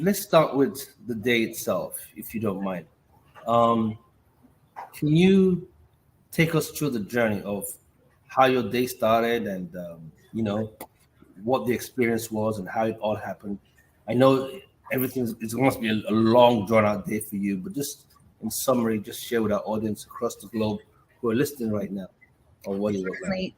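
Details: Adult man speaking; typical voice.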